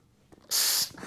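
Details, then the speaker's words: Bag valve mask with reservoir, pop-off valve opening: brief sharp hiss of escaping air as it vents above about 50; when it vents, the patient is not receiving the breath. "But then if it starts going off and I hear that, I need to know the patient is not receiving their breath. I need to fix the problem."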